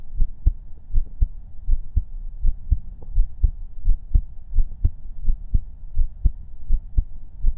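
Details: ASMR heartbeat-only livestream recorded with a 3Dio binaural microphone: steady, regular, low thumps at about 80 beats a minute with a soft hum underneath; a normal heartbeat.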